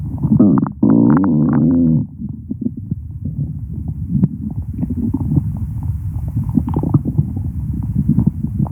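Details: Low, loud gurgling rumble with a sustained groan, then irregular bubbling gurgles; stomach growling.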